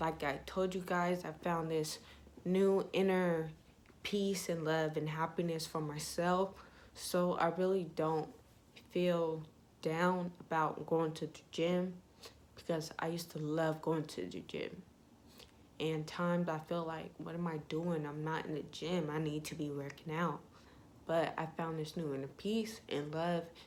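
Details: Young woman with ataxia (self-reported type 46), symptom onset in her junior and senior years of high school, with leg shaking, poor balance and twitching; she says her voice trembles whenever she talks; voice tremor (ataxia).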